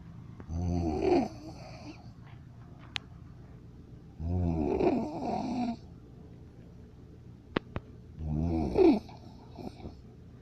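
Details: Snoring: three rattling snores in ten seconds, about 17 breaths a minute, with quiet pauses and faint clicks in the room.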